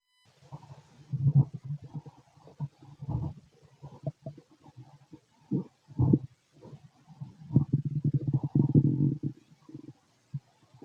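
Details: Low gurgling rumbles and bubbling squelches in irregular bursts with short quiet gaps from an adult male's stomach while digesting food: active bowel sounds (borborygmi).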